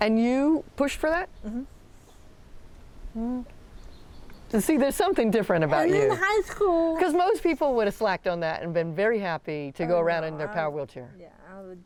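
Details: Adult woman speaking, with a brief reply from a second voice; typical speech.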